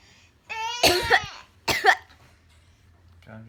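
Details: 10-month-old baby boy copying his mother's coughing: a voiced vocal sound followed by two short, harsh cough-like bursts; imitated cough.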